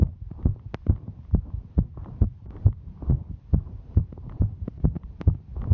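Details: Fast, regular low heartbeat thumps, about 136 beats a minute, with a rushing background, from a female while hiking; a normal heart speeding up with exertion.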